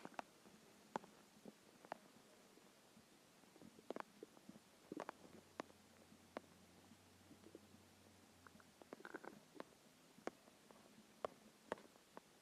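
Soft gurgles, squelches and clicks with a brief low rumble over quiet background hiss: hunger stomach growling, a normal bowel sound.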